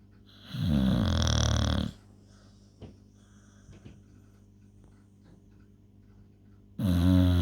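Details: Loud snoring: two loud, deep, rattling snores separated by a quiet pause of several seconds.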